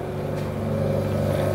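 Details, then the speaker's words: Electric suction machine (aspirator) for removing secretions from the airway, switched on in a demonstration and running with a steady loud motor drone and low hum. "as you guys all know suction machine is a device that is used to suck out any uh substance that is stopped in uh airway"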